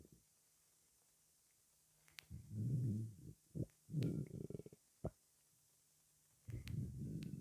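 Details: After 23 hours without food: several loud, low, drawn-out gurgling rumbles from the belly with quiet gaps; hunger stomach growling (borborygmi).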